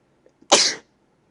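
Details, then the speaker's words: A single sharp, explosive sneeze with a short hissing burst of air and no wind-up; an ordinary sneeze. "oh lady dawson your sneezes are so gay"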